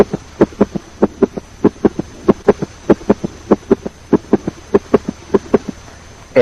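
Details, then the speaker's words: S3 gallop (ventricular or protodiastolic gallop) heard with a fast heart rate; the third heart sound runs into a gallop rhythm. "If the heart rate is fast, it will be heard as a S3 gallop, also known as ventricular gallop or protodiastolic gallop."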